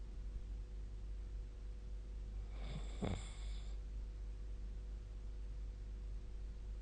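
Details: Snoring during sleep recorded with a snoring-tracking app (SnoreLab); one short rough snore around the middle over steady low room hum.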